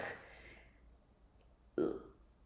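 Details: Acted demonstration by a therapist of tense, hard stammering (tense block), getting stuck on a word.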